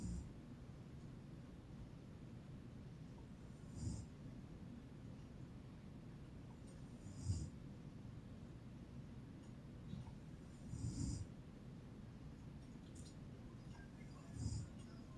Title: My Mom Snores like a Panda Bear 🐼🐼🐼